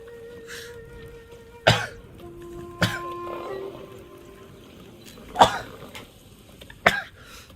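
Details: Male streamer said to have allergy: four short, sharp throat-clearing coughs over several seconds, with background music; cough.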